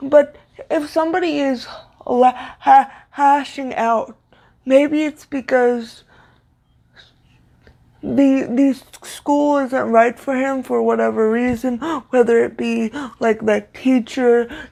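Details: Stuttering in a woman with cerebral palsy, a neuromuscular disorder she says affects motor control including speech; her stutter worsens when reading aloud; here spontaneous speech.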